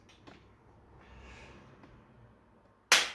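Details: Activator V adjusting tool during Activator Method basic scan on a woman with stiff shoulder and knee after Zumba: one sharp, loud snap adjusting the sacrum/pelvis (anterior base, PSIS to S2 to S1 line).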